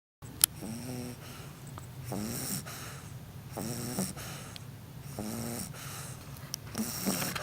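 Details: Dog snoring: loud, rattling snores with snorting breaths, about 20 breaths a minute, from a sleeping bulldog.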